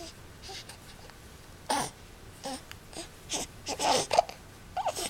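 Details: Infant during tummy time on a Boppy with neck exercises and stand-up time, getting frustrated: soft, intermittent fussing and brief cries with sniffly breaths in a quiet room; infant cry.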